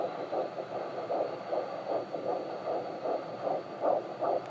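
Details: Fetal heartbeat of a baby girl checked on Doppler: rapid, regular whooshing pulses over a steady hiss at about 155 beats a minute.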